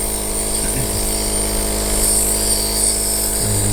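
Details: Steady mechanical buzzing hum of a compressor nebulizer plugged into the wall and running while a child breathes through a small child mask, with faint handling sounds.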